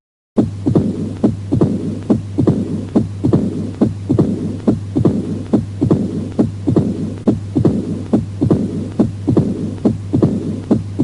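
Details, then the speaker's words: Regular heartbeat near 70 a minute with an early diastolic opening snap and low diastolic rumble, from a teaching tape of mitral stenosis heard as the last choice of a six-murmur quiz. "what do you hear here oh that's mitro stenosis yes"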